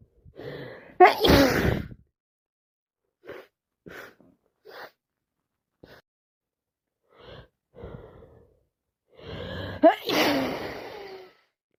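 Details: Day 2 of a very snotty cold: two forceful sneezes with gasping build-ups and brief sniffs between; repeated sneezing with a stuffy nose.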